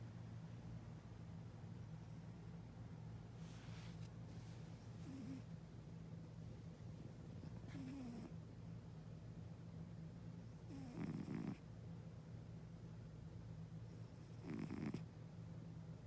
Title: Cat Snoring scene